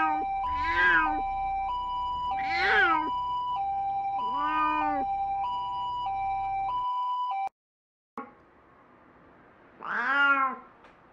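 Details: Repeated long, drawn-out moaning meows from an elderly cat with dementia and cataract, on the way to emergency care after a violent seizure with vomiting of blood, thought to be epilepsy from brain disease, suspected stroke; music in background.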